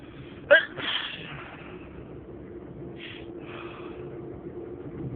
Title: Today I'm sneezing a lot!